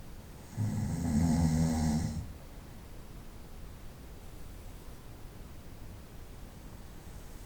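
A single loud, low, rattling snore on the in-breath, then quiet breathing with faint room noise. Night-time snoring.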